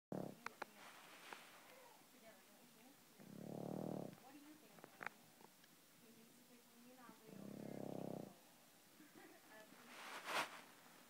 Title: Pug Snoring